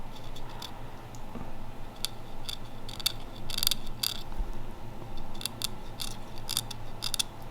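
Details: Dental hygienist hand-scaling tartar from a co-worker's teeth with hand instruments, no ultrasonic pre-scaling: irregular short scratching and scraping clicks over low room hum.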